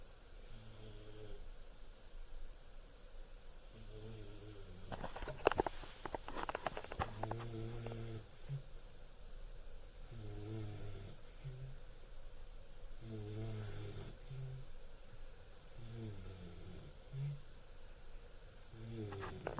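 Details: Sleeping 14-week-old German Shepherd puppy snoring: soft low rumbling snores about every three seconds, with a brief louder rustle partway through.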